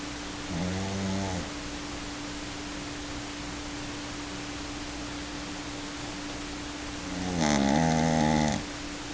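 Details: Sleeping dog: two rough, buzzing inhalation snores a few seconds apart over a steady hum; snoring.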